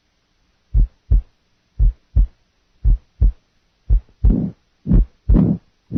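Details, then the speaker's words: Simulated heart at 60 beats per minute with only the diastolic component of a pericardial friction rub added, a scratchy sound joining the second heart sound. "listen to a heart beating 60 times per minute then only the diastolic components of the rub will be added"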